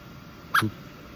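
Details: Baby quintuplet getting hiccups for the first time while held by an adult: a single brief, abrupt squeaky catch of breath in a quiet room; infant hiccup.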